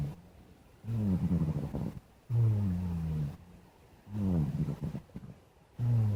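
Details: Black cat sleeping: deep, rumbling snores on each breath in and out, about three breath cycles in six seconds; cat snoring.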